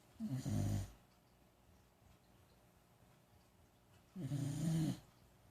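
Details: Two loud, rough, fluttering snores about four seconds apart with quiet breathing between; a dog snoring on the couch.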